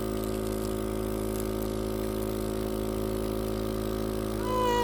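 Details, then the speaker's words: Home care suction unit switched on before trach suctioning of a medically complex child, sleeved suction catheter attached: steady motor drone of the suction machine running, with a rising whistle near the end. "I have the devil bliss, however you say it, home care suction unit. So it's already set up."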